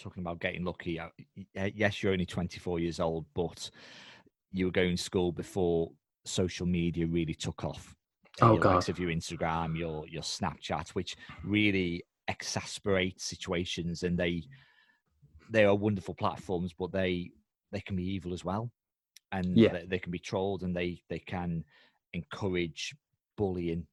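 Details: Adult male speaker; normal speech.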